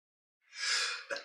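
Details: A single sharp, breathy burst of air ending in a brief voiced catch, recorded behind the scenes of a reaction video: one sneeze.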